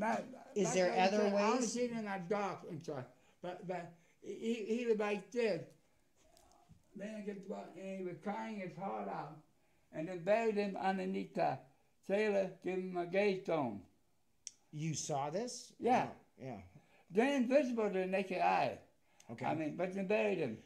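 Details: Adult man with a speech impediment, partially deaf in both left and right ears; speech impairment with hearing loss.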